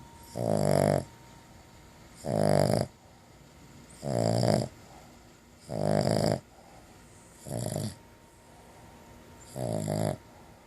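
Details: A dog napping after chewing a bacon-flavored long-lasting chew, snoring: deep, rhythmic rattling snores, about 36 a minute, each under a second with quiet pauses between.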